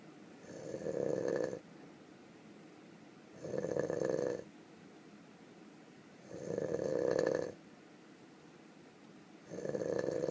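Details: Sleeping donkey snoring: regular rough, fluttering snores about every three seconds, roughly 20 a minute, with quieter breathing between.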